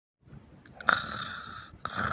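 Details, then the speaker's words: Simulated snoring by a husband in a comedy skit, wife complaining he snores every night: a long, harsh, rattling breath in, then the start of another. "Ay, no. Comenzó otra vez con los ruidos. Ay, no, que hostica. Todas las noches pasa roncando. No me deja dormir."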